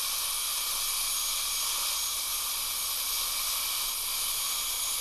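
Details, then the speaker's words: High-speed dental handpiece with the LVS 3 chamfer diamond joining depth cuts and forming a chamfer at tissue level on a patient's lower teeth for veneers, light sweeping motion; continuous steady high-pitched hiss and whine with water spray. "kind of a sweeping brush brush motion on this bird rather than a heavy cutting motion taking just a little bit of an enamel at a time"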